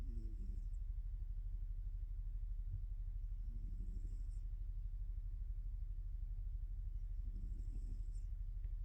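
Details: Snoring in a sleeping polydactyl tortoiseshell cat lying with its paws in the air: soft, rhythmic snores, about three in nine seconds, over a steady low rumble.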